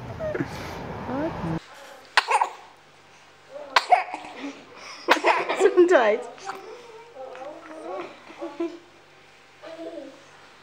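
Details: Compilation of babies sneezing repeatedly and unable to stop: several short, sharp sneeze bursts with small vocal sounds in between. Ordinary infant sneezing.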